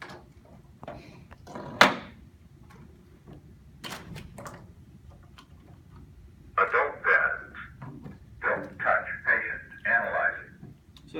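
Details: Zoll AED Plus demonstration: handling and clatter, then a spoken automated prompt as the defibrillator detects adult pads and starts analysing the heart rhythm.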